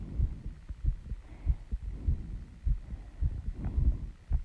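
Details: Female's heartbeat after running and squats, still out of breath as the heart slows: quick, strong thumps at about 97 per minute with heavy breathing behind them.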